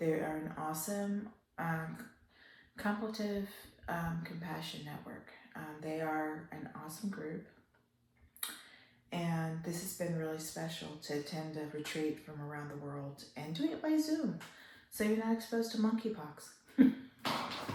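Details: Adult woman with upper motor neuron onset ALS, a slow progressor almost 3 years into the disease, with worsening spasticity and breathing episodes; trying to talk louder and expects to lose her voice; spastic dysarthria in ALS.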